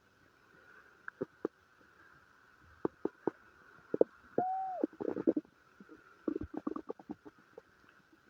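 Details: Gurgling, squeaky bubbling bursts with one drawn-out tonal squeal over a steady hum in a person with diarrhea and flatulence; borborygmi.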